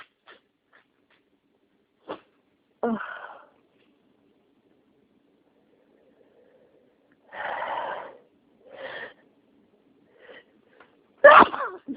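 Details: Sneezing deliberately triggered by inhaling an allergen, a massage bar, in a person with sinus congestion: several soft sneezes and snorty nasal bursts separated by quiet pauses; allergic sneezing fit.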